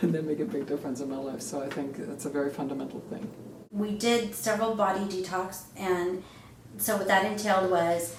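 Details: Adult speaker(s) in a small room; normal speech.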